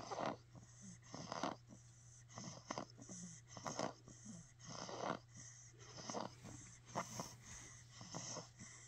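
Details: A sleeping dog snoring: rough, fluttering breath noises at an uneven pace, about 50 a minute, over a steady low hum.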